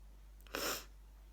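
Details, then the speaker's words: A single short, explosive sneeze with a brief intake of breath before it, in a quiet room, from a person who has sneezing fits every day lasting about 5 minutes. "I have these sneezing fits every day and it last for about 5 minutes"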